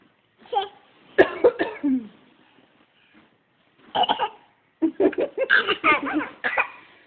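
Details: Several short cough bursts in clusters, mixed with what sounds like laughter, in a small room; coughing alongside mother.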